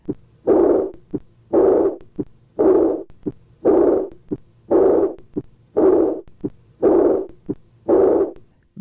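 A regular heart rhythm at about 57 beats a minute, each beat a brief sharp heart sound followed by a longer soft blowing noise in diastole. This is an early diastolic murmur, a sound heard in the resting phase of the heartbeat.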